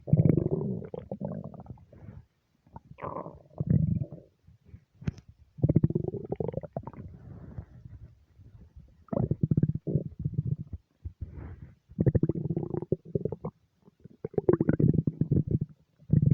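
Repeated loud, low gurgling and rumbling runs with short pauses; ordinary stomach rumbling from gas and fluid moving through the gut.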